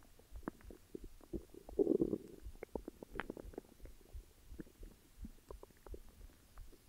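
Irregular gurgling and rumbling bowel sounds with a louder growl partway through; ordinary stomach growling.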